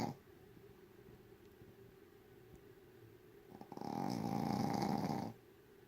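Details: Small dog Po, who snores loudly every night, asleep: quiet breathing, then one loud, rattly, fluttering snore lasting about two seconds.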